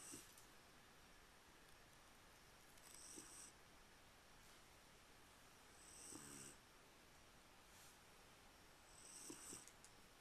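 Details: Female Jindo dog sleeping in bed: soft rhythmic breathing with faint fluttering snores, about 20 breaths a minute, under a steady hiss; quiet snoring.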